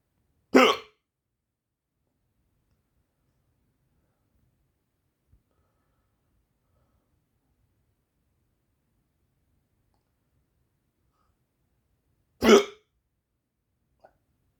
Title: crazy hiccups